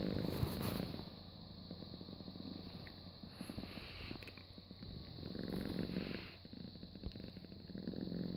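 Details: Soft, rattling, purr-like snoring rising and falling with slow breaths over a steady background hum; snoring.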